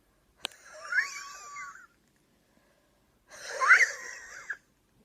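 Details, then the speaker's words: Adult with a 12-week cough producing clear/white foamy sputum, brought on by talking, exertion or air conditioning; patient suspects viral pneumonia. Recorded between coughs: two long breaths with a high, whistling musical wheeze. "I can't breathe in without the cough this is what it sounds like when I'm not coughing"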